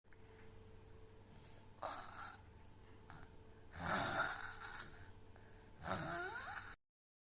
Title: #adenoids#mouth breathing #snoring#child#